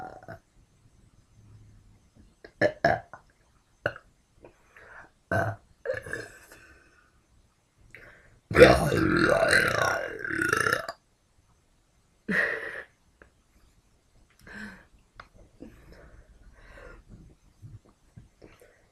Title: Burping Lady1